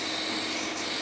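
Continuous hissing airflow, a nebulizer running from an oxygen concentrator.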